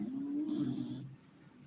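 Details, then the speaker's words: Dog sleeping and snoring during speech, said to sleep less soundly when the speaking stops; snoring. "can you hear my dog sleeping it seems when i stop talking it doesn't seem quite as soundly"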